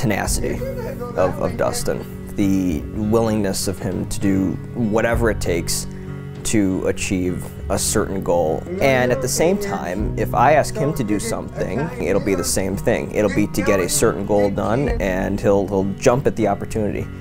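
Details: Adult male speaker; normal speech.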